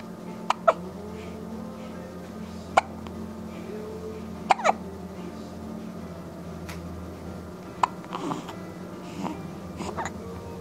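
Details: Child (Landon) with hiccups: sharp, abrupt hiccup clicks recurring every few seconds over a steady musical hum.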